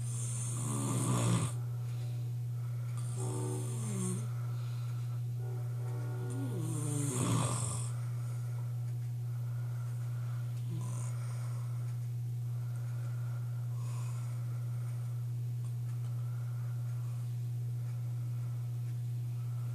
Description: My boyfriend going hard snoring...loudest in awhile